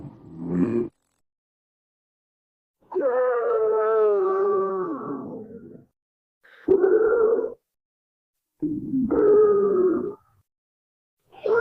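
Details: Reused sound-effect tummy rumbles: several long, low, voiced belch-like rumbles separated by silences; sound-effect burp or stomach rumble.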